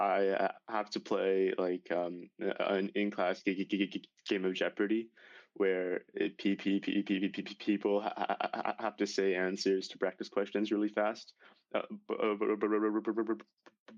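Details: High school senior male with real stuttering that began severely at age 10, after six years of speech therapy, speaking with repetitions; stuttering.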